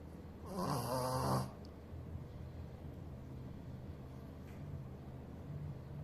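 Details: Sleeping Shih Tzu dog snoring: a single loud, rattling snore, then quieter steady breathing noise.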